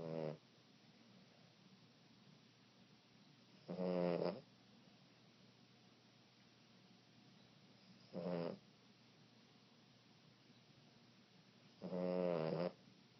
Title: Adventures of Tippi Cute Tipp Boston Terrier Puppy Dog Snoring